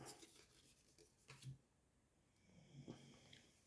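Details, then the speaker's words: A sleeping dog lying close by snores loudly: two low, rumbling snores about a second and a half apart over faint room noise. "Désolé si vous entendez ronfler, c'est mon chien qui est à côté et qui ronfle comme pas possible."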